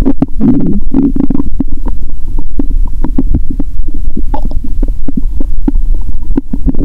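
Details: Stomach heard through own stethoscope after fasting over 15 hours, then eating Mentos; loud stomach growl; bowel sounds with gas bubbling.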